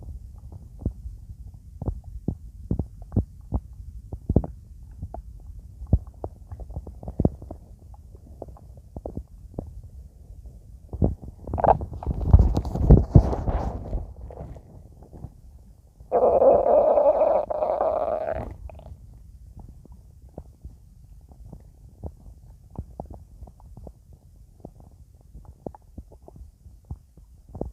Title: My stomach growling